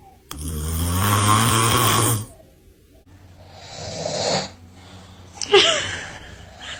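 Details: Dad snoring while baby reacts: a long, loud, rattling snore on the in-breath, then a softer breath and a short snort; snoring.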